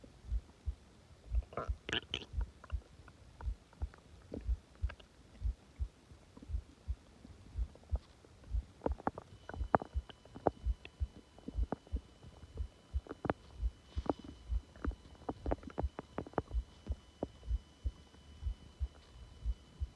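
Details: Soft, frequent low gurgles and brief rumbles from the abdomen, subtle stomach growling recorded after a failed video attempt; bowel sounds.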